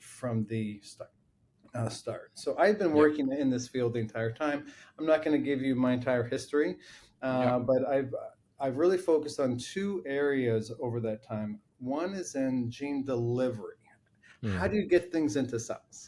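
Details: Adult man with a lifelong stutter that runs in his family; long blocks and repeated words are heard. Finding: stuttering.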